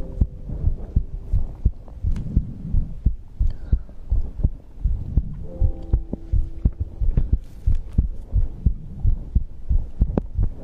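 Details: ASMR recording of a streamer's own heartbeat and breathing: regular low thumping heartbeat around 88 beats a minute with faint breathing and hum behind it; normal heartbeat.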